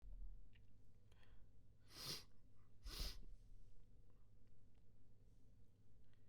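Two muffled, held-back sneezes about a second apart, soft hissing bursts rather than full sneezes, over low background rumble.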